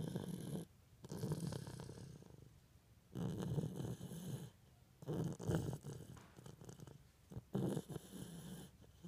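Soft, low rumbling snores with each breath in, about four over nine seconds, separated by quiet pauses; ordinary infant snoring.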